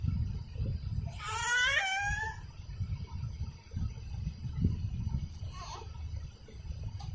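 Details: Baby crying while trying to catch a balloon: a loud wailing cry lasting about a second, then a brief softer whimper over low room rumble; ordinary infant crying.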